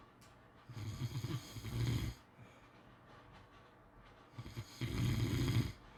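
Two long, rumbling low-pitched snores on breathing in, separated by quiet exhalation; ordinary snoring during sleep.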